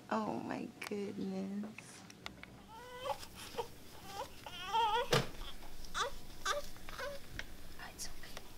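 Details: Newborn baby girl just delivered by C-section, crying in a small hospital room: short bursts of high, wavering cries with whimpers between, with some background noise.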